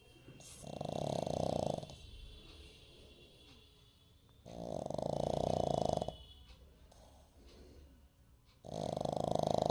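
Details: Puppy asleep with slightly open eyes, snoring: three loud, rattling snores on inhalation with quiet breathing between them, roughly every four seconds.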